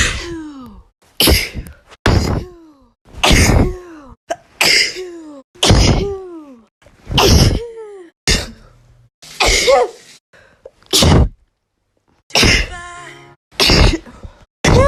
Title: 2019 summary (sneeze edition)